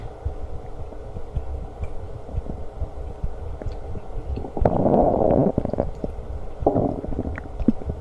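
Low gurgling and bubbling rumbles with louder surges of churning around the middle and end, heard against a faint background hum: active stomach growling (borborygmi).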